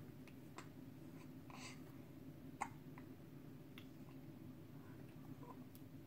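Soft, sharp hiccups repeat roughly once a second over a steady low room hum; these are ordinary infant hiccups.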